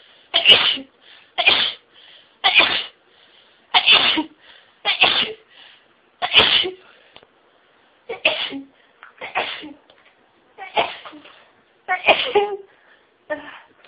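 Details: Sneezing fit that started slowly, with stifled sneezes intensifying nasal tickling until sneezing became rapid and took the breath away: about eleven sharp, hissing sneezes, roughly one per second, with quick catch breaths between.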